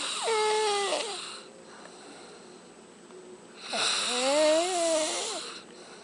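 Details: Snoring during sleep: two loud, drawn-out breaths with a whistling, moaning pitch that rises and falls, separated by a quiet pause. The snoring is said to be hard to share a room with.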